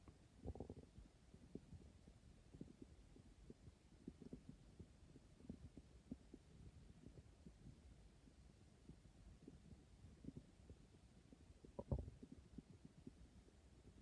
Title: Growling tummy #hunger #stomach #growling #hungry